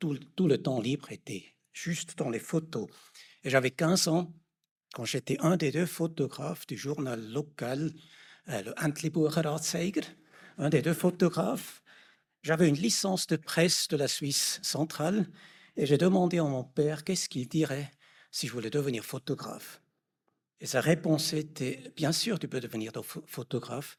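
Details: Adult man; normal speech.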